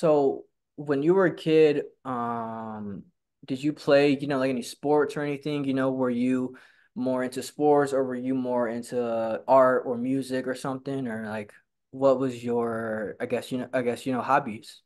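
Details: Real stuttering in a person who stutters and attends stuttering support-group meetings; stuttering.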